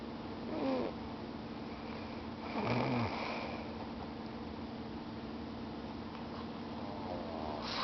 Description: I'm snoring. That's pretty much it.